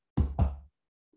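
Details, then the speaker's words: Imitated ectopic beat, described in hypothyroidism where a slow heart rate progresses to extra beats: two low thumps close together breaking the regular rhythm. "and then as things get worse they start having ectopics so ectopics will sound like this"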